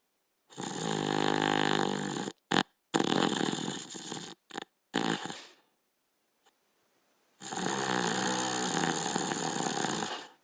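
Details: Sleeping Border Collie dog snoring: loud, harsh, rattling snores on the in-breath, broken by brief stops and a quiet pause.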